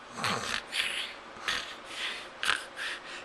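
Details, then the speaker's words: Snoring from a baby boy sound asleep while sitting on a lap; he normally doesn't snore, possibly because of the way he's sitting. "normally doesn't snore but I think the way he's sitting he's kind of making a snore so precious so precious and cute"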